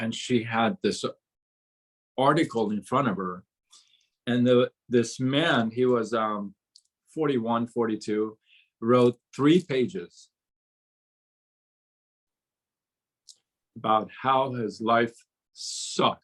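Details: Stuttering in an adult man, onset around age six, severe from about age 13–14 to 24 when he could barely speak a word, with gasping for air and chin shaking; still stutters on certain words such as "seven".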